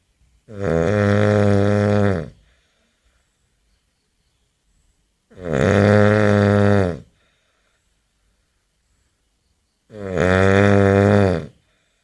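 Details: Three loud, rough, buzzing snores from a sleeping man, each about two seconds long with quiet pauses between, about 13 a minute; heavy snoring.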